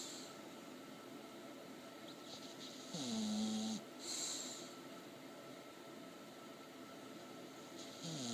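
Snorting, whistling snore sounds from a sleeping bulldog, irregular and partly buried in background hiss.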